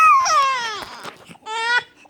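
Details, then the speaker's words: Infant fussing and crying because he was taken off the breast after feeding, once his hiccups had stopped; the parent calls it normal fussing from being mad. "but he's just normally fussing he's fussing cuz he's mad"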